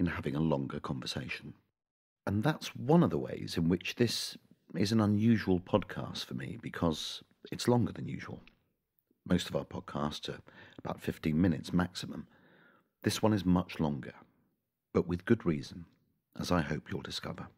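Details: Adult man; Normal speech.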